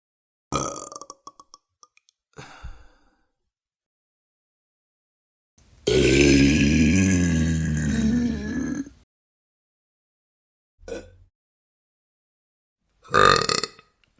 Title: Burp sound effects 10 variations